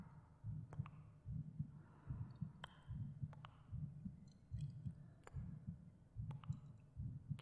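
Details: Recorded heartbeat under ASMR meditation with binaural cave effects: soft, regular paired low thumps around 74 beats a minute under faint clicks and room noise; normal heartbeat.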